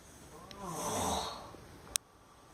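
One loud, rough snore that swells and fades, followed by a brief sharp noise as the sleeper rouses. Snoring.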